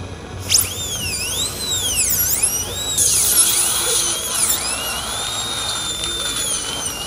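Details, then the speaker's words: High-pitched whine rising and falling in speed; dental drill cutting a small trough of bone around a tooth broken off flush at gum level, to expose it for extraction before a future implant. "What we do now with the drill is take some like a little trough of bone here and here."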